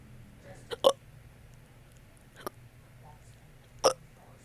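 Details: Hiccups: three short, abrupt voiced catches in a quiet room.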